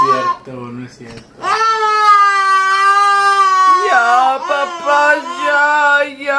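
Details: 10-month-old twins frightened by their father sneezing: loud, sustained, high-pitched wailing with sobbing breaks; frightened infant cry.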